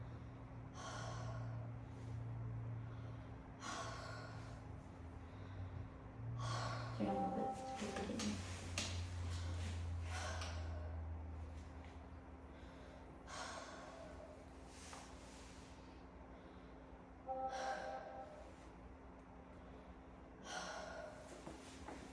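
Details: Stethoscope on the chest of a 12-year-old boy, sitting up straight and breathing through his mouth harder than normal: deep, steady breaths, clear with no wheeze or crackles, normal breath sounds.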